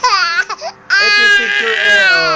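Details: Loud, sustained high-pitched wailing with a brief catch for breath from an infant crying angrily because it wants to be picked up and held; no tears are seen.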